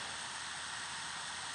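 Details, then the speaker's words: Steady high-pitched hiss and buzz of an ultrasonic tip troughing dentin between MB1 and MB2 canals of a tabletop maxillary molar during endodontic access under a microscope. "so now what I'm going to do now is I'm going to trough this is ultrasonic and I'm just slowly trying to remove some of the Denton between to see whether or not that's an actual Fisher or whether they're two separate canals"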